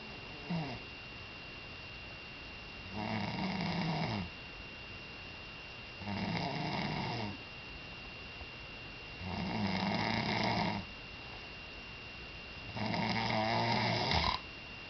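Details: Steady, rumbling snores at about 16 breaths a minute, each about a second long, over a constant background hum; snoring.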